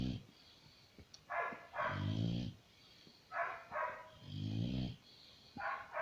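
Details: Sleeping dog snoring heavily: deep rumbling snores with a snort on inhalation, about 25 breaths per minute, while the owner asks why she snores so much; snoring.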